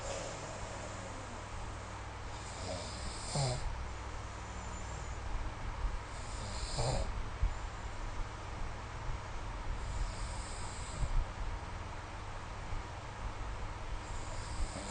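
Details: Snoring during sleep recorded with the SnoreLab phone app: low, soft snoring breaths every three to four seconds under steady room hiss; snoring.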